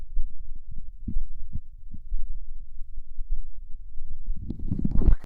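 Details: ASMR recording of stomach noises: growling, rumbling borborygmi.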